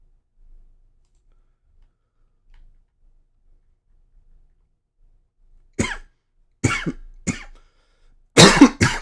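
A few quiet seconds, then a run of about four or five short, sharp coughs from an adult: a lingering post-viral cough.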